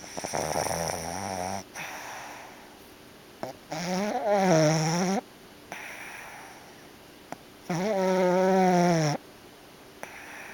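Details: Sleeping pet dreaming, eyes moving, waking toward the end: loud rattling snores on each in-breath, about one every four seconds, with quieter out-breaths; snoring.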